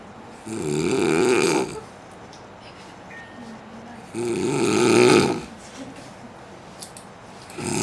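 Loud, rough snores on the in-breath, two in about eight seconds with quiet pauses between, a slow sleeping rhythm.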